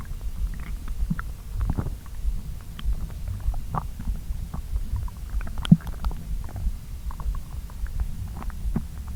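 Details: Stomach noises while digesting a late breakfast-lunch (pasta) after a long fast: continuous low gurgling and rumbling with scattered bubbly pops; normal active bowel sounds.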